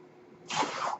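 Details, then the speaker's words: A quiet stretch, then a half-second breathy whoosh of air from the speaker's own mechanical ventilator delivering a breath. "hello everyone my name is that noise hearing is by ventilator and"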